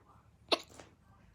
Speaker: oh my God I have my hicups oh my God it's so annoying